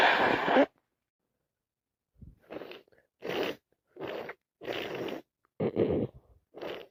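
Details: Worsening common cold with non-stop sneezing, nose blowing and coughing: one forceful burst, then about six short explosive sneezes in quick succession.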